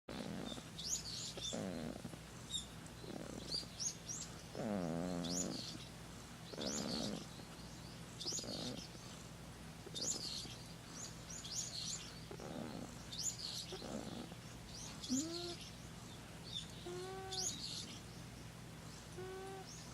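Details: Sleeping cat breathes with soft, rhythmic, slightly rough, snore-like sounds, which the owner wonders may be snoring; birds chirp faintly near the end; snoring.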